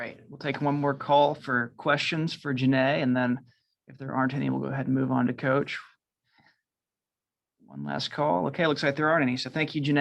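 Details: Adult male speaker; Normal speech.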